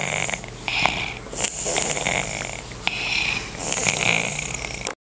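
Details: Snoring with a stuffy nose: repeated soft, hissy whistling snores with each breath through a blocked nose, in a small quiet room. Snoring.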